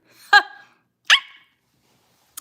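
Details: Young woman with Tourette syndrome on a livestream: two sudden, high-pitched bark-like yelps in quiet; she says her barks are always high-pitched, never deep. Barking vocal tics.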